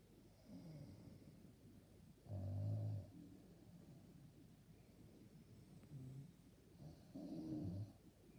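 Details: Person snoring loudly enough to keep another person awake; low, rumbling breath noises every few seconds, about three in the span, with room hiss between; snoring.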